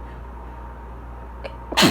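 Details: Person reading aloud during an allergy fit, highly allergic to Scots pine and juniper pollen: brief intake of breath then one loud, sharp sneeze over steady background hum; allergic rhinitis sneezing.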